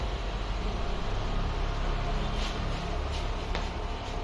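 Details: Biotronix 4-chamber sequential pneumatic air compression therapy device for DVT prevention and lymphedema, switched on: continuous low rumbling pump noise with a few faint clicks.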